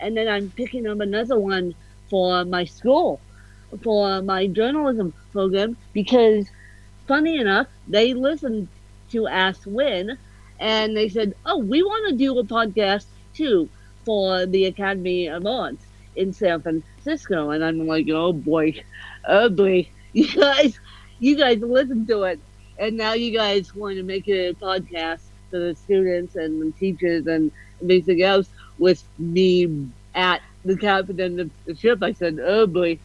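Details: Adult woman with cerebral palsy, officially diagnosed at 31 as ataxic cerebral palsy (described as a mixed type, also called ataxic-spastic); slight speech impediment; ataxic dysarthria.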